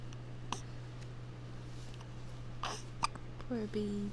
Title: More hiccups...poor baby girl